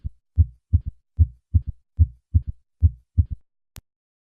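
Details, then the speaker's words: Regular heartbeat near 74 a minute with a soft, low-pitched early diastolic extra sound after the second sound, heard at the cardiac apex with the stethoscope bell, patient in left lateral position: third heart sound. "in summary third heart sound is a low-pitched early diastolic sound heard best at the cardiac apex using the bell of the stethoscope with the patient the left lateral position"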